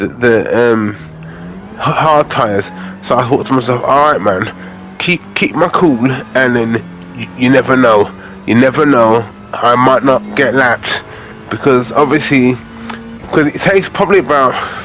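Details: Adult man with aphasia after a major stroke in August 2013, doing gaming commentary to practise his speech; aphasia.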